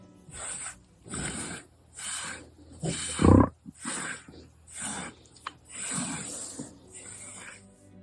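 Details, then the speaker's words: A Highland cow gives one deep, loud belch while its hair is being brushed with rhythmic brushing strokes: a normal cattle burp. "That was the sound of a Highland cow burping while having its hair brushed. Burps produce the vast majority of methane emissions from cow rearing and are one of the many sources of greenhouse gases that companies are trying to reduce."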